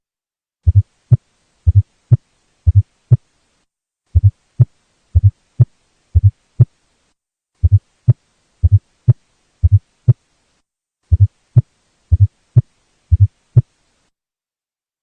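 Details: Fourth heart sound (S4 gallop): an educational heart sound audio clip from NCLEX study material.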